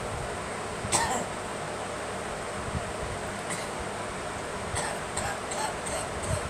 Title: Girl coughing